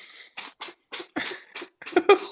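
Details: A cat with a cold sneezes about seven times in quick succession with short, sharp bursts; it is a repeated sneezing fit.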